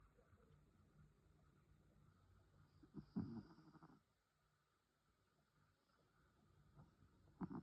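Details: Penelope, a sleeping pet, snoring: quiet low rumbling breaths with a louder snorting burst midway and another at the end.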